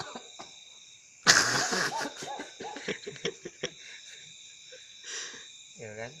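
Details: Burst of coughing then a few short coughs while the back is massaged lying prone, from waist up to shoulder blades along the spine to ease coughing; laughter and voices in background.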